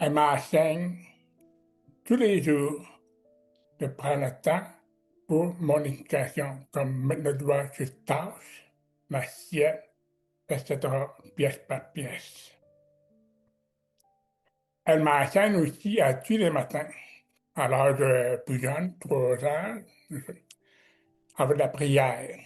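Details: Adult man with severe-to-profound deafness since childhood who wears hearing aids and learned oral speech at a specialized institute, practising letters in front of a mirror, speaking French; deaf speech.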